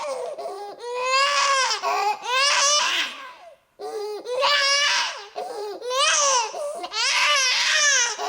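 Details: An infant cries in repeated loud, high-pitched wails separated by brief catch-breaths, in a small quiet room.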